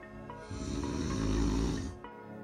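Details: Snoring recorded from a habitual snorer during sleep; a home sleep test with heart rate and breathing monitors gave bad results.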